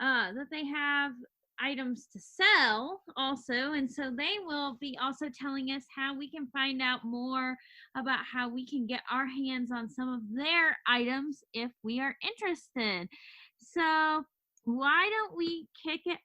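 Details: Adult woman speaking; normal voice.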